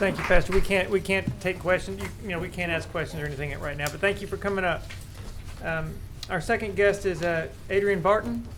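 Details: Adult speaker; normal voice.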